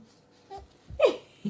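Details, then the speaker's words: Hiccups brought on by giggling: a single sharp, abrupt hiccup with a brief voiced catch, followed by the start of another sound, in a quiet room. "Oh. Naughty hiccups are in the way."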